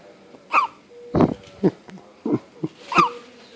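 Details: Hiccups from a boy, recorded on a poor-quality camera; hiccup sounds.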